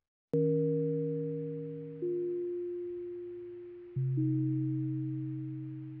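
Three soft, bell-like chime tones, each struck and then slowly fading: a calming hearing aid sound for tinnitus relief.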